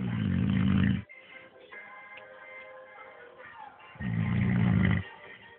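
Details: A man asleep: two loud, deep, rattling snores about three seconds apart, with music playing faintly between them; snoring.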